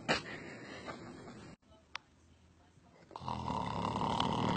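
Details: Sleeping animal: rough, rattling breathing noise broken by a quiet gap, then a louder stretch; snoring.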